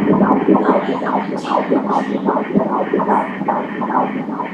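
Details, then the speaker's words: Fetal heartbeat on Doppler during ultrasound at 15 weeks of pregnancy: rapid rhythmic whooshing pulses, heart rate 147 beats a minute, normal. "let's hear the heartbeat"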